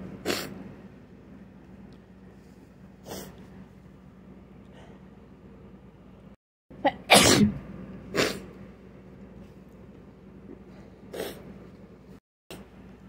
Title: Can't stop sneezing.